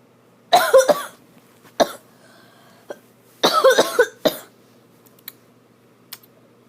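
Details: Person up past midnight on a school night with a persistent coughing fit: two bouts of harsh, voiced coughing, each three or four quick coughs, in a quiet room.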